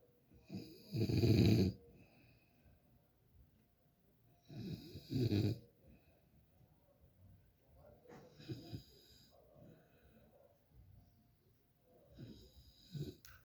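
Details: Loud rattling snores on the in-breath, about 15 a minute, fading in strength over time; ordinary snoring.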